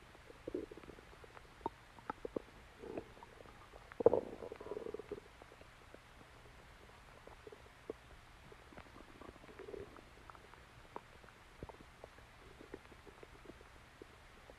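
Quiet, scattered gurgles and rumbles with one louder growl. These are normal bowel sounds from gas and fluid moving through the gut.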